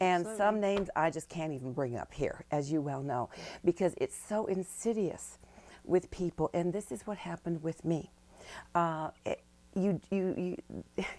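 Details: Adult man who reports recovering from multiple sclerosis, first diagnosed in 1988, with neurogenic stuttering and other disfluencies.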